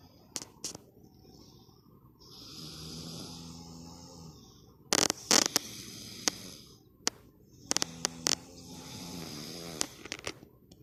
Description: Father and daughter snore! I feel like they're the buzzing bees in a great large flower field.